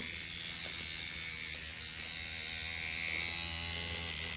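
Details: Steady high-pitched mechanical buzz with rapid fine pulsing from a microneedling pen running continuously on a client's cheek toward the jawline after lidocaine removal; needle depth at 2.2 mm as the tissue is tolerated.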